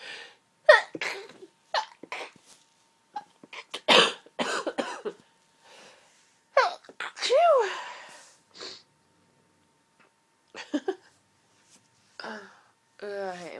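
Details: Itchy, tickly allergy sneezes with pollen irritating the throat: a run of sneezes with gasping buildups, mixed with short coughs and throat clearing.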